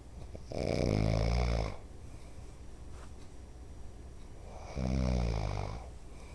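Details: Father snoring, which he denies: two loud, low, rattling inspiratory snores about three seconds apart, separated by quiet exhalation.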